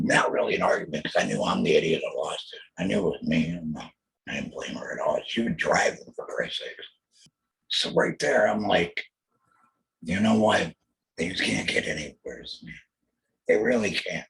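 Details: Throat cancer diagnosed 2020, treated with total laryngectomy, chemotherapy and radiation; alaryngeal speech after total laryngectomy.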